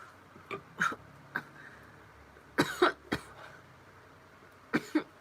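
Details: Girl with hiccups after drinking a lot of a carbonated drink. Several short, sharp bursts in a quiet room, some paired, mix soft coughs with hiccup-like catches.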